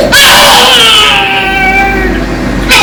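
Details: Stridor in a child, heard during a discussion of a solid granular cell tumor that was surgically removed, with tumors as part of the stridor differential diagnosis.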